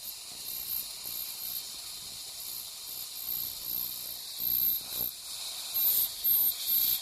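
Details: Ultrasonic piezoelectric bone saw cutting osteotomy at sinus floor during sinus technique, surgeon controlling depth to avoid perforation; hissing spray noise with intermittent high-pitched whining bursts.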